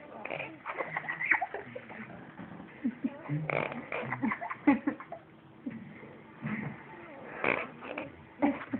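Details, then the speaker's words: Snoring recorded in the dark at night: irregular fluttering, sputtering sounds with uneven bursts and a loose, rattly, flapping quality, which the listeners likened to farting. Unusual snoring. "listen we are recording jasine snoring"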